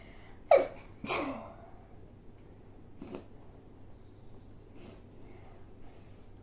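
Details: A sneeze during a nose-sneezing challenge, performed while wearing a lehenga: a sharp inward catch, one loud explosive burst, then quiet breathing.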